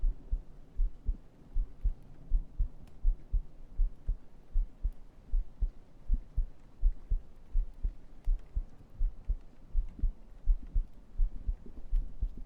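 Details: Heartbeat recorded with a microphone against the chest during an ASMR stream: steady low thumping at about 80 beats a minute; ordinary regular normal heart sounds.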